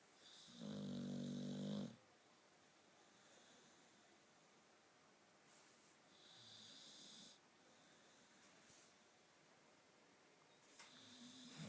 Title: the dog snoring